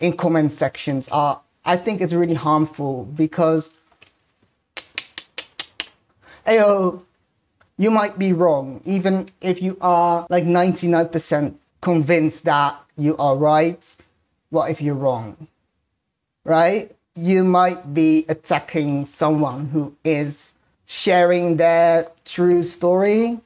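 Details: Male speaker with Tourette syndrome; an interjection ("hey... yo") in this stretch appears to be a vocal tic: vocal tic (Tourette syndrome).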